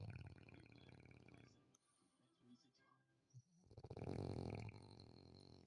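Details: Low, rumbling, fluttering snoring breath noise that fades and then returns loudly; snoring.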